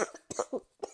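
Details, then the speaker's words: Simulated persistent cough: an adult acts out about four short, harsh cough bursts in quick succession, a cough present for a few weeks that the character blames on chronic bronchitis or allergies. "I noticed you've been coughing a lot today. Oh, it's nothing. I've just had this annoying cough for a few weeks now."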